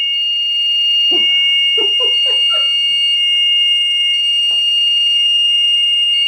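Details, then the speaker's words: Steady high electronic tones with a run of short chirping beeps from a HeartMate II LVAD controller doing its self-test; the patient has had the LVAD for two years and readings of speed and flow were normal. "And now he's going to do a self-test so you can hear some of the crazy sounds this machine makes. It's kind of like your computer boot up sound."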